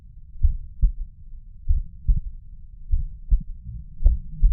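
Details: Heard at the mitral area: muffled low heart sounds with an extra soft thud soon after the second sound, giving a galloping three-beat rhythm; third heart sound (S3).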